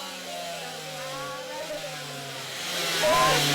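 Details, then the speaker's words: Cast saw removing a hip spica cast from a baby/toddler: steady motor whine of the saw, with the child's upset cries from the noise and vibration rising over it as the cast is cut. "straction can usually help but most small babies and toddlers will usually become upset because of the noise and vibration of the sore there's not an awful lot that you can do except for being near your child and comforting them"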